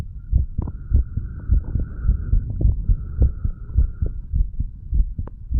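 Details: Self-recorded heart of a 35-year-old standing male, stethoscope moved over the mitral, tricuspid, pulmonary and aortic valve areas, then the right ventricle area; regular low thumping heartbeat about 100/min with faint background hum; normal heart sounds.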